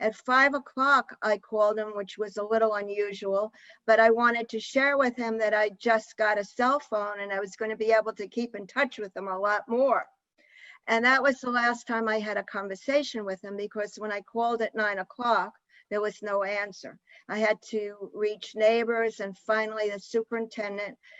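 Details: Adult woman speaking; normal speech.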